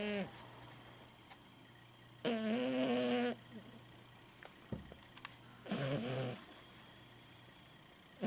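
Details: 17-year-old Siamese cat snoring while sleeping: loud buzzing snores with whistling edge about every three seconds, low room hum.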